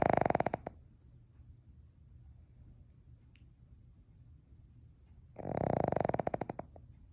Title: Snoring dog